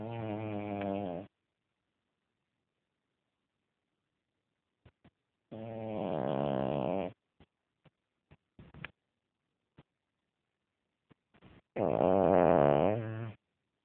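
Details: A pet's habitual sleep snoring, which the owner says is how he usually sounds when asleep: three long, rough, buzzing snores separated by quiet pauses with faint clicks.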